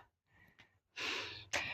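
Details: Acted snoring by a performer in a Bengali village comedy skit: a faint breath, then loud, harsh, hissing snort-like bursts through the nose and throat.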